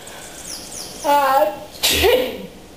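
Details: A voiced call, then one sudden sharp human sneeze, with bird chirps and room noise behind and a pet cat nearby that reportedly complains about the sneezing; single sneeze.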